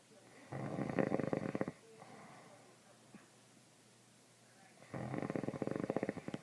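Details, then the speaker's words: Adult father asleep: two loud, rattling snores about four seconds apart, each a coarse fluttering rumble on the in-breath, with quiet breathing between, and not as loud as it gets; heavy snoring. "this is not as loud as it gets."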